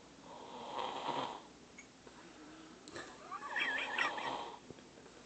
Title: 3yr old baby snoring